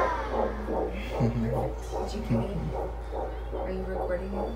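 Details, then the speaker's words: Fetal heartbeat on Doppler during pregnancy, rapid rhythmic whooshing pulses, rate stated as about 150 beats per minute; fetal heartbeat on Doppler. "bueno amigos oímos del persona el bebé dijo la señora dijo cien cuanto cincuenta con la velocidad el latido latidos por minuto"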